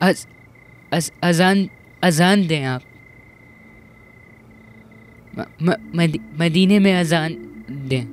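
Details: Acted stuttering by a boy character in a dubbed Turkish TV film about the first call to prayer: stuttering (acted).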